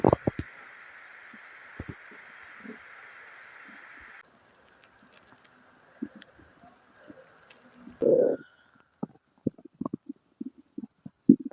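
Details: Gurgles, short bubbling pops and one louder rumble over a faint steady hum; stomach noises with diarrhea and flatulence noted: borborygmi.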